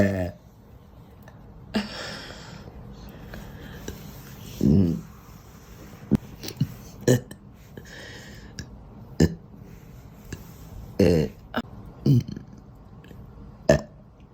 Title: Out of control burps